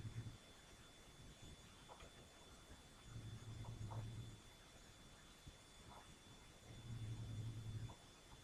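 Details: Soft, low rumbling snores at a steady rhythm, about two in eight seconds, from a sleeping cat over steady background hum; cat snoring.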